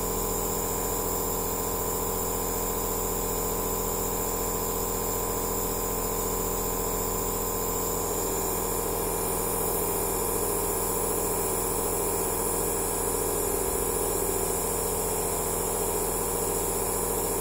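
Steady mechanical hum and buzz of a compressor running continuously without a break; a nebulizer machine in operation.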